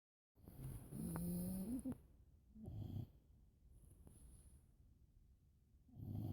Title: Tandem snoring :)